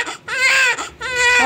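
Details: Newborn baby boy, 3.4 kg, just after a normal birth at 6:04 am, his mother's second child: two loud, clear, strong, vigorous cries.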